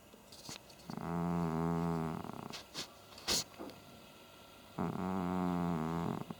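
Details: Pet cat snoring while asleep: two long, rattling, buzzing snores on breathing in, with light rustling and faint background sounds.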